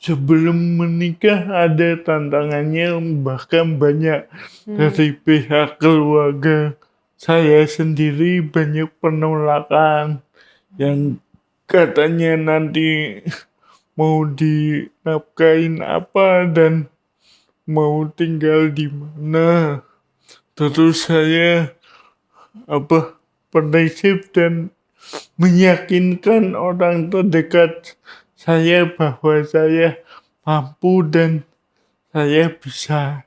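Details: Adult man with cerebral palsy, in his thirties or older; dysarthria (cerebral palsy).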